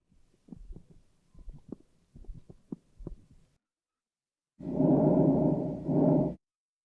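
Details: Simulated auscultation in a VR training patient, with a virtual stethoscope held over the blue collider: soft irregular thumps, a pause, then a loud breath-like whoosh.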